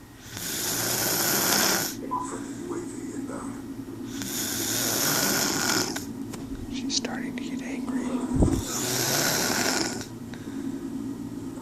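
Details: Sleeper described as a snoring girlfriend, though also called a snoring panther or jaguar: loud, raspy, drawn-out snores on each breath, three in about eleven seconds, getting louder.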